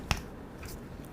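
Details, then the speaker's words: Orthopedic surgeon demonstrates cracking his finger joints: a single sharp pop in a quiet room. He explains such sounds come from ligaments or muscles moving, joints rubbing, or small air bubbles in the joint bursting, and are mostly harmless. "소리가 납니다. 또는 목으로 소리가 납니다, 저도. 그러나 이 소리가 나는 원인은 목 근처에 있는 인대나 근육이 이동할 때 나는 소리, 두 번째는 관절이 서로 부대끼면서 나는 소리, 세 번째는 관절 안쪽에 작은 공기방울이 생겼다가 터지는 소리예요."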